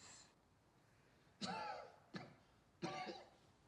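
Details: Acted coughs from a movie supercut of cinematic coughs and sneezes: three short coughs with some throat clearing.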